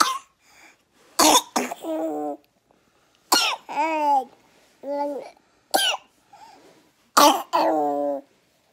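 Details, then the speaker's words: Infant with a persistent cough after RSV; parents have asthma and asthma is suspected. About five harsh, deep, bronchitis-like coughs that sound painful from low in the chest, each followed by a short whiny cry. Chest was checked and found clear. "It sounds like extreme bronchitis. Like, it sounds like it's painful coming from like the bottom of her chest. You can like feel it burning when you listen to her cough."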